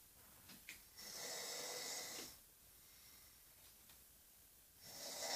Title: Noisy snoring.